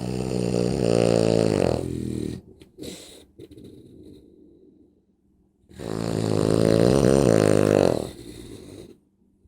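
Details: Adult woman (a mother-in-law) asleep: two loud, long, buzzing rattles on inhalation about five seconds apart, with quiet breathing between; heavy snoring.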